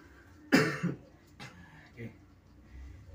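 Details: Young man with breathlessness and severe coughing at night until morning, recorded during a therapy session; one strong rough cough burst then two faint follow-up coughs or throat sounds over low room noise.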